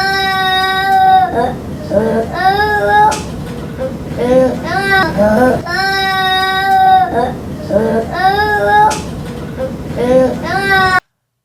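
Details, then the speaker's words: Crying child with croup: between cries, a harsh, loud, high-pitched noisy inspiration as air moves through the narrowed upper airway; inspiratory stridor. "I waenganui i nga tangi, ka hau te manawa o te tamaiti , ka rongo koe i te tangi haruru, nui, riri. A ko te tangi o te hau e neke ana i roto i te huarahi kaki whaiti ."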